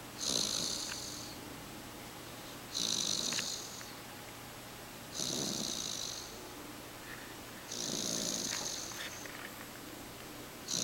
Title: snores 3.31.09